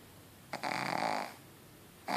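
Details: Pug sleeping deeply, with a single noisy, rattling breath sound and the start of another in a quiet room: snoring.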